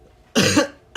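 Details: Young man's single short, moist-sounding cough in a quiet room during a livestream, with the start of another sound at the very end.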